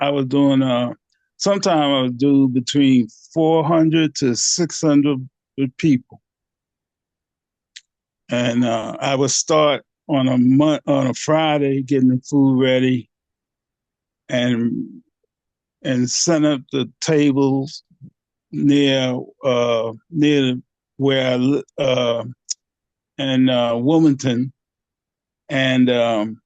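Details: Aphasia in a 67-year-old man, 9 years after two strokes (January 2015 and March 2016), treated with speech therapy.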